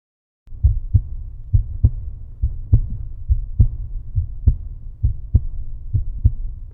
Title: Heartbeat Sound for Deep Sleep ❤️